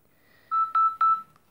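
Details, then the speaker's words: OpenSeizureDetector app on a Garmin Vivoactive HR smartwatch, with wrist shaking simulating a tonic-clonic seizure: three short, clear electronic beeps as the warning becomes an alarm after a few seconds of movement. "when the system goes into warning first and then it will go into into alarm after a few seconds of that movement going on"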